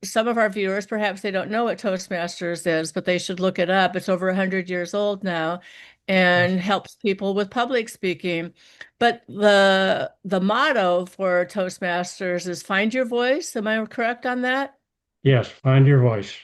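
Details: Adult woman speaking, brief reply from a second speaker; normal speech.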